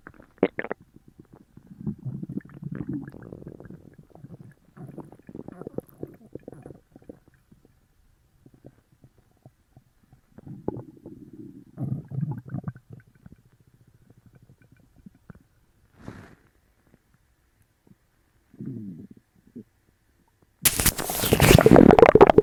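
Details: Upset stomach after eating sugar-free gummies: bursts of gurgling, rumbling bowel sounds, with a loud, rushing noise at the very end; borborygmi.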